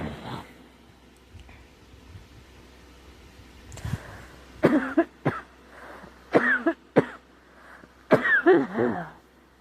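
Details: Girl coughing who says she thinks she is getting a cold, with a scratchy, sore throat: several short, harsh dry coughs in quick bursts with throat clearing, in a quiet room; cough.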